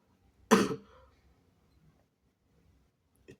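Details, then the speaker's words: A cough from a sick person during a session of induced sneezing: a single harsh cough with a brief throaty tail, then quiet. "I'm sorry about the coughing if you don't like it, but I have to."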